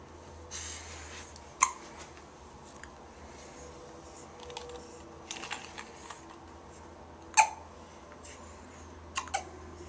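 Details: Child hiccuping on a changing table: three sharp, brief hiccups at irregular intervals over ten seconds, with soft rustling and quiet room noise; frequent hiccups.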